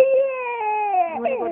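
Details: Crying baby: a brief, clear, tonal infant cry that falls in pitch and breaks into a shorter wavering cry.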